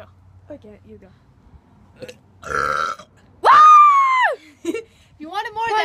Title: Burping contest